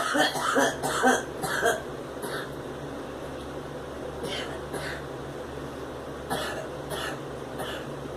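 A quick run of about four dry coughs, then a few fainter ones over room noise; coughing while smoking.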